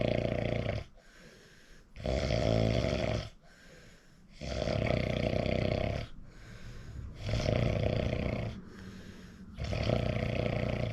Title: recording myself WOW I REALLY SNORE SNORE 😴 😪